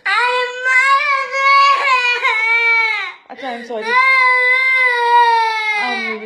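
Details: Young child crying in long, wailing bursts with brief catches of breath after mother's hand hit his face; she says it was accidental and offers chocolate: child crying.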